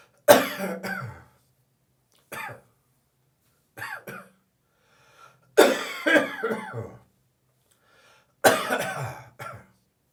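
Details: Dry cough: an adult gives about five dry, throaty coughs in short bursts, without wet or rattly sounds, the morning after drinking more beer than usual in the evening.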